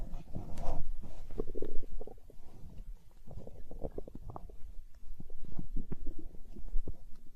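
Low, gurgling, bubbling rumbles that come and go, typical of ordinary stomach growling from gas and fluid moving through the gut.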